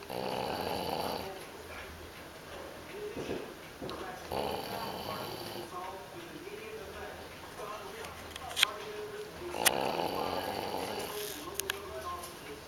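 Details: English Bulldog puppy snoring while asleep after a busy day: repeated rattling, snorting breaths, with some room noise and clicks.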